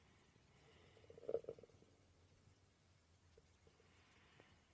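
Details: Woman's stomach growling (borborygmi) recorded while she slept.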